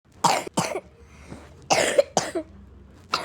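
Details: Two pairs of short, harsh pretend coughs acted in play by a child whose character is said to be sick with a cough.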